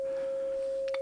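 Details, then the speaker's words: Simulated tinnitus: a steady pure tone of about 540 Hz, made with a phone frequency generator to match the ringing in the left ear, with a faint brief noise near the end. "When I came up with this one, so I was using my frequency generator on my phone. I found the frequency of the tone in my left ear,"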